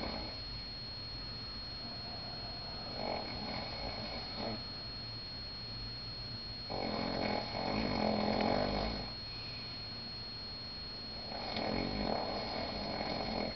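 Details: Person snoring in a Las Vegas room after the curtains were opened: rough, rumbling snores on breathing in, about three in 13 seconds, over a steady room hum; ordinary snoring.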